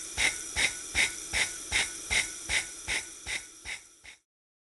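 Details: Intrapulmonary percussive ventilation device running through a clear phasitron with nebulizer cup: rapid, regular hissing air pulses, about 150 a minute, stopping abruptly, pulsed airflow through the nebulizer circuit.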